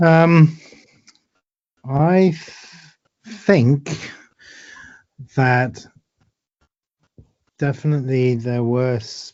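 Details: Woman with aphasia after a stroke eight years ago, helped by speech therapy exercises and home speech therapists; word-finding difficulty with word repetitions and substitutions; aphasia.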